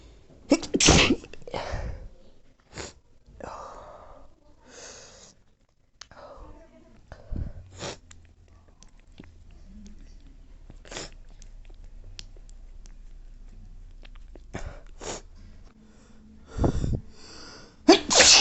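Repeated forceful, explosive sneeze bursts with wet, spraying noise between them and some faint background room noise.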